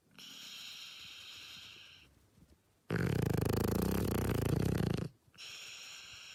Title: A dog snores like the humans